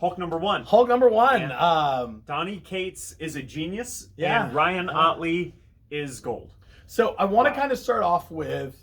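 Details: Adult man speaking; ordinary speech.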